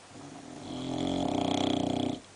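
One long, loud rattling snore that builds in strength over about two seconds, with a fluttering buzz; a dog snoring.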